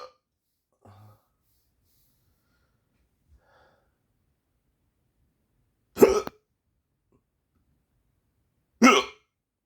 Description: i would sleep but i have the hiccups help 😅